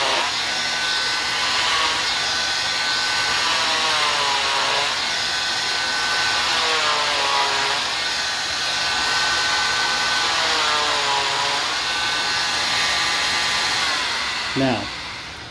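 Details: Training demonstration, not on a live patient: loud, high whining oscillating cast saw whose pitch drops and rises as the blade presses in and lifts out, cutting a molded fiberglass arm cast for removal.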